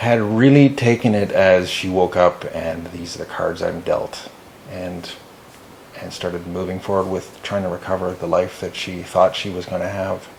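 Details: Adult man speaking; normal conversational speech.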